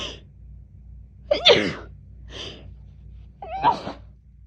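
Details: Woman having a rapid sneezing fit, sneezing all day since waking; she guesses fall allergies are the cause. Four sharp, partly muffled sneezes in quick succession.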